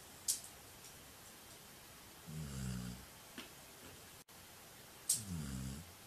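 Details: Sleeping dog recorded by a camera on a tripod, soft low rumbling snores on in-breaths with faint clicks and room noise: snoring.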